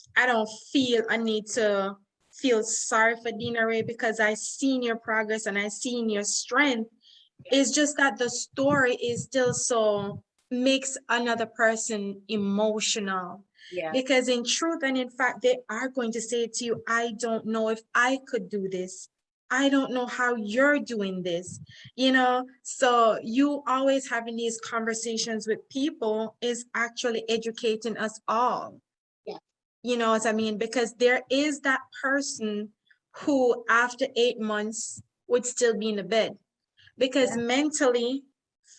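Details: Adult woman speaking; normal speech.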